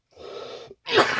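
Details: Adult with labored breathing and coughing, which they attribute to shocks to the chest and throat: a drawn-out, slightly voiced inhalation, a pause, then one sharp explosive cough that could pass for a sneeze.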